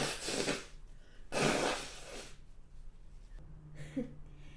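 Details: Two sudden, forceful sneezes a second apart, then a softer breathy sound, in a quiet room from a person who mentions hay fever and a dog allergy: repeated sneezing.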